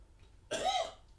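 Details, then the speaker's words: Acted cough in a comedy sketch, where the character blames hay fever: one short, rasping cough in a quiet kitchen. "max mate buddy you know with all the virus and everything don't you think it's maybe a good idea if you don't cough all over the kitchen"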